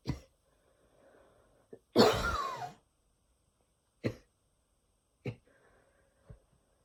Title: some wheezy coughing before bed